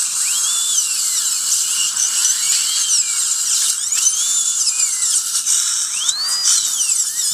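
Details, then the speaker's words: High-pitched whining drill with rising and falling sweeps and water spray hiss: a surgical handpiece perforating extraction socket walls on the other side of the mouth during L-PRF bone grafting, with water, no saline. "I'm just going to perforate the socket wall and simulate some bleeding. Without bleeding, we have no growth."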